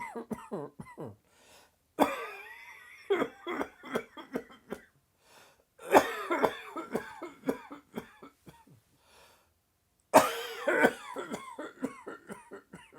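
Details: Adult's sudden dry, tickly coughing fit just after lunch: repeated dry, hacking bursts of non-productive coughing.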